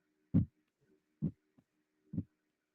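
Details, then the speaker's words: Heartbeat sound clip played over a podcast call: three deep, regular thumps about 0.9 seconds apart, a slow steady heartbeat near 65 beats a minute. "I'm just gonna play a little sound clip and let me know if you guys hear this. It's supposed to be a heartbeat."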